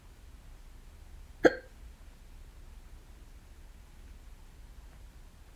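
A single sharp hiccup in a quiet room.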